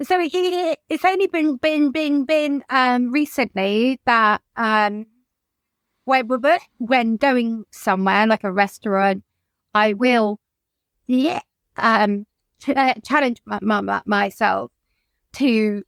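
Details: Adult woman whose childhood stammer recurred, brought on by lockdown and the trauma of her mother's death by suicide; she describes blocking; stuttering.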